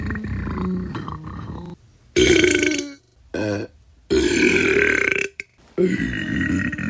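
Several loud, drawn-out burps separated by brief pauses; repeated belching from a sound-effect pack.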